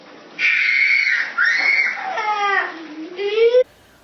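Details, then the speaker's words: Nonverbal autistic child with Crohn's disease diagnosed at age 3, mother attributes the cry to belly inflammation and acid reflux, loud high-pitched strained screaming in short bursts: pain cry. "The pain cry is blood curdling. It's so hurtful and so painful to hear your baby cry like that, because it's like there's nothing you can do."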